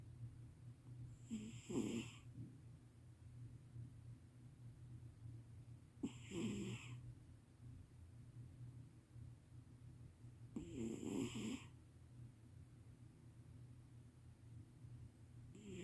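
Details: Sleeping cat snoring loudly: three loud, rough snores, about 13 a minute, with quiet pauses between.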